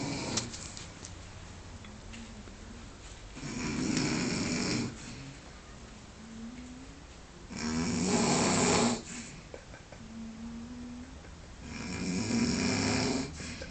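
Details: Man sleeping after a big night: loud, harsh, rattling snores on each in-breath, roughly 14 a minute, with quieter breathing between. Heavy snoring.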